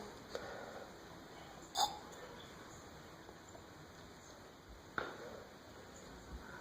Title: cures the hiccups.